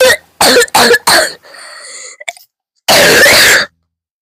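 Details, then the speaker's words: Four short harsh coughs in quick succession, a whistling indrawn breath, then one longer forceful cough; coughing hard enough to cry. "I'm literally crying cuz of how hard I coughed. Second one of the day."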